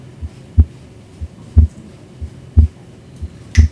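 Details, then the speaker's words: Cardiac exam of an adult male patient lying back, stethoscope at the pulmonary area (second left intercostal space): regular paired lub-dub at about 60 beats a minute, no added sounds; normal heart sounds. "and i'm going to listen in the four primary areas the aortic area or second right intercostal space the pulmonary era or second left intercostal space"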